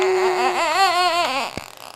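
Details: Brief, wavering fussy cry lasting about one and a half seconds, ending in a soft catch, from infant boy lying in bed with his father, hiccupping; parents suggest he is hungry and chewing his finger.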